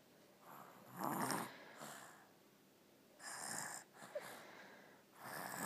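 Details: Soft, airy, irregular snuffling breaths with light whistling at a quiet level; gentle snoring, likely from a small animal.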